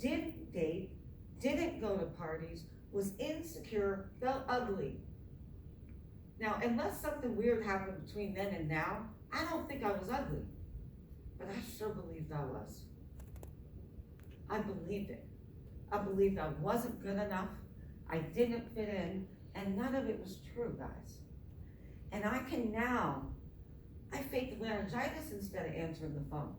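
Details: Adult woman with myasthenia gravis since age 7 (about 45 years), apparently without her custom palatal device; palate fails to close so air escapes through the nose during reading; hypernasal speech.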